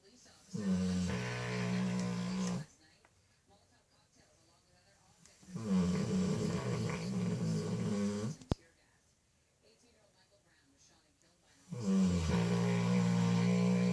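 Three long, deep, rumbling snores separated by quiet pauses, about 13 breaths a minute; loud dog snoring.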